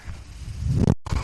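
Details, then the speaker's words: Low rushing hum that swells steadily, stops abruptly, then resumes: the airflow cycle of the speaker's own mechanical ventilator, heard while they talk; mechanical ventilator sound. "my name is brenon l that noise you're hearing is my ventilator"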